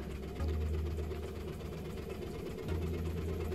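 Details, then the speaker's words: A Hillrom high-frequency chest wall oscillation vest gives a low, steady, engine-like hum with fast rumbling pulses. It is ramping up pressure and vibrating, set at a frequency of about 15, as airway-clearance chest physiotherapy used commonly in cystic fibrosis. "And again it will ramp up adding pressure to the vest and begin to vibrate."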